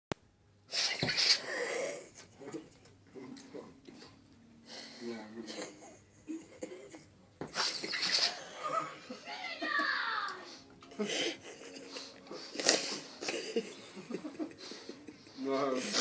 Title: Groovy the dog sneeze attack